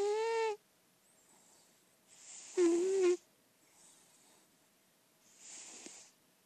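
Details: Senior indoor lilac point Siamese cat, described as in good health and heavy, snoring loudly while asleep: whistling tonal snores alternating with softer breathy exhalations, about 23 breaths per minute.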